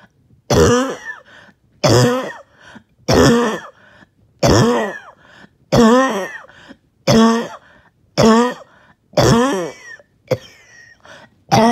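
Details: Hacking, choking cough, about nine strong strained throaty coughs at steady intervals with brief gasping pauses and laboured breathing, after a 20-minute workout or morning walk; repetitive cough.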